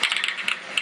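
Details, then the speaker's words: Microelectrode recording during awake deep brain stimulation surgery for dystonia: rapid crackling pops in short bursts as a single movement-responsive (kinesthetic) neuron fires when the wrist is moved; neuron firing. "the following videos show how microelectrode recording can be used to localize these movement responsive nerve cells when in the surgical setting you can hear the cell firing and I move the wrist it's a kinesthetic"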